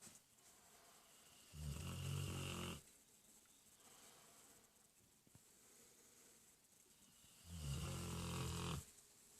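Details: A sleeping large dog, referred to as "Bordos", snoring on a sofa cushion: two long, low rattling snores about six seconds apart, with quiet breathing between them.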